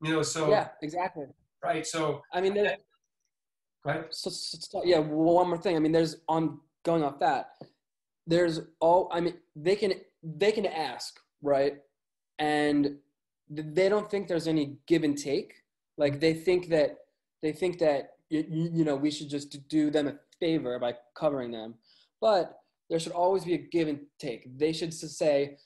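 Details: Adult man with a stutter he has had his entire life, audible in his speech; stuttering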